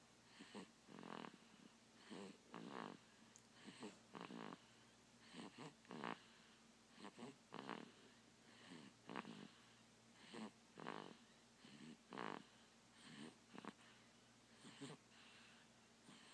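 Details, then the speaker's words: Young one (baby) asleep: soft, irregular snuffling snores with short noisy breaths, about 37 a minute, against a steady background hum; snoring during sleep. "That's Brack's baby snoring."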